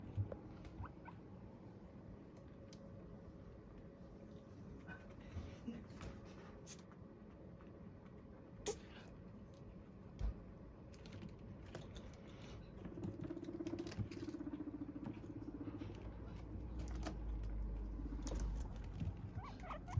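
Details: Sneeze from a guinea pig: a couple of tiny, sharp sneezes against quiet background rustling.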